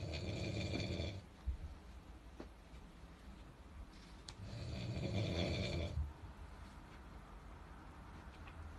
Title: ANG HILIK BOW!! " The Snoring "